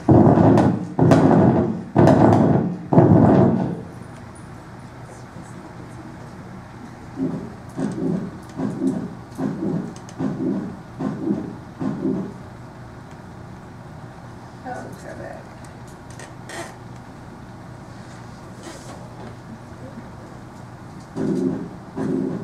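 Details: Pansystolic heart murmur on auscultation: a murmur heard throughout systole, described as a regurgitant murmur of lower velocity and lower frequency.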